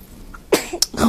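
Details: Newborn girl, 2 days old, sneezing: two or three tiny, abrupt bursts of air close together.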